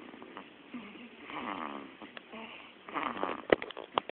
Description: Baby snoring like an old man!